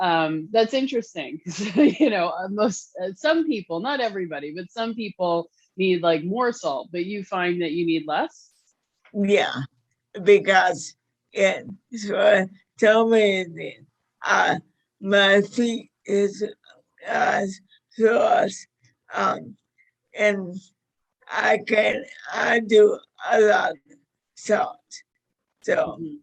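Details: Dysarthria in a 61-year-old woman with motor neuron disease diagnosed five years earlier; severity varies from day to day.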